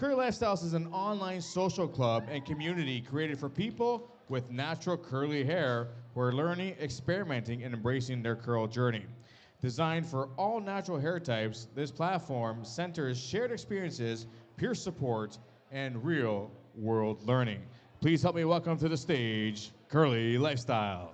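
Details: Adult male event host; normal fluent speech.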